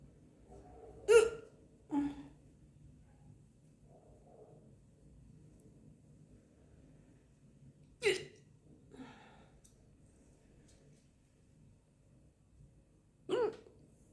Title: Woman hiccups after lunch . #hiccups